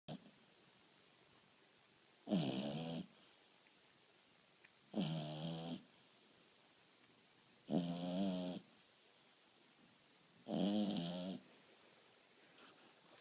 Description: Our little FrenchBulldog Dexter snoring away when he was 2 months old, lil cutie